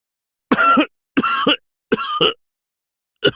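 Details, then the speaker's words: Three forceful coughs in quick succession with a fourth starting, performed by a narrator acting a character's hard coughing fit in an audio drama; simulated cough. "Splat nodded, then started coughing hard for a few minutes."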